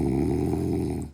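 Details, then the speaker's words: A sleeping adult father snores at 10:30: a brief, low, rough, fluttering breath sound, steady for about a second before fading. "তো এখন দেখো সোহান আর সোহানের পাপা দেখো, সোহানের পাপা দেখো নাক ডাকাচ্ছে, দেখো আওয়াজটা শোনো তোমরা একটু।"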